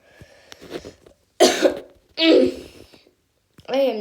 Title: Hey yall so I swallowed water before this so don’t ask why I am like coughing and stuff